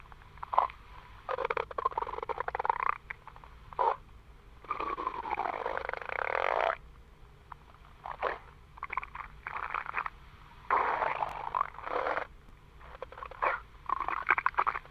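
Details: Bursts of gurgling, rumbling and squeaky bubbling sounds with quiet gaps; stomach growling (borborygmi), ordinary gut movement.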